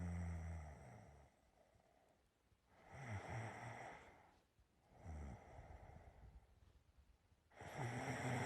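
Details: Slow rhythmic rattling snores on each in-breath with quieter pauses over faint room hiss; a person recording their own ordinary sleep snoring.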